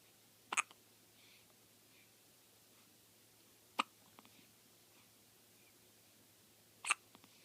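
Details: Three sharp, brief hiccups from an infant girl before sleep, several seconds apart, over quiet room noise; ordinary infant hiccups.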